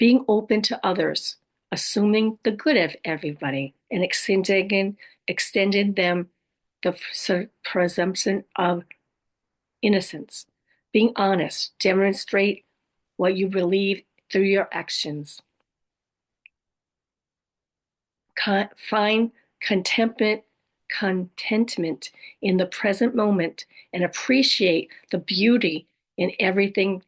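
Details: Adult woman with aphasia, apraxia of speech, dysarthria and other communication challenges; aphasia with apraxia of speech and dysarthria.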